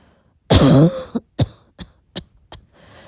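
A single throaty cough is followed by a few faint clicks and breaths in a quiet room.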